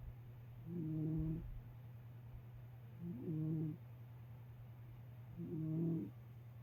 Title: Tikka my cat Snoring - 2021-04-30